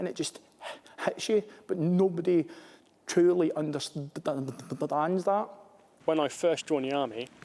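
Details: Adult man, an army officer who has a stammer; stammering.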